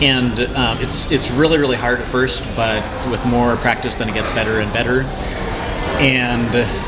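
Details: Cluttering in an adult male who was unaware of any speech problem until age 27 and uses self-monitoring as a management technique; typical disfluencies are repeated words and phrases, interjections, revisions and compressed words; cluttering.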